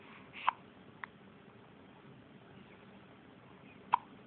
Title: first hiccups